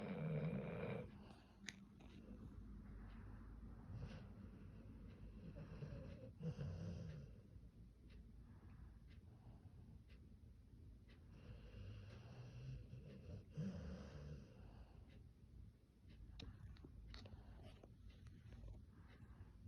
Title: Does your dog snore like this?